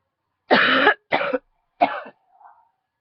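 Three harsh coughs in quick succession, then a faint trailing breath; a short coughing bout.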